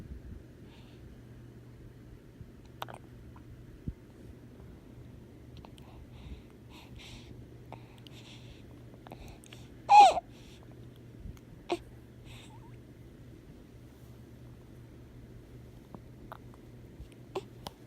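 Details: Infant hiccups: a few brief, sharp hiccup sounds, one louder, in a quiet room with a steady low hum.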